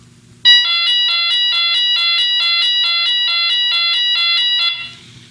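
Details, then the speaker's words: Left ventricular assist device (LVAD) controller emergency red alarm, said to sound like a British police car: a loud, high, two-tone alternating siren-like alarm. "but the emergency alarm and this one actually sounds more like a British police car it will again alarm red but it will sound"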